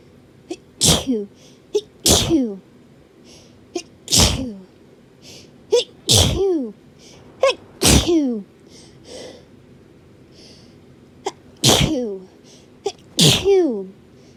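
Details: About seven forceful sneezes, each preceded by a quick inward breath and separated by pauses; repeated hay fever sneezing, one of several filmed over 3-4 days.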